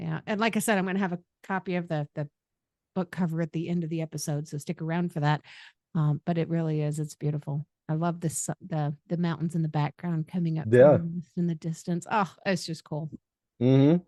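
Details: Adult woman speaking; normal speech.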